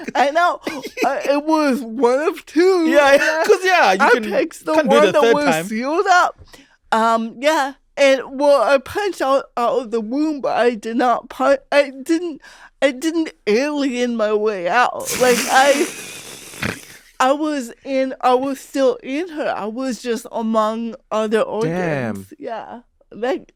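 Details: Real, unscripted speech from a woman comedian who has had cerebral palsy since childhood; her family remarked on her speech when she was about five. Dysarthria due to cerebral palsy.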